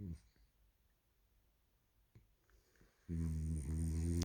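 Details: One-year-old French Bulldog snoring: near-silence with faint breath sounds, then a loud, deep, buzzing snore typical of a flat-faced dog.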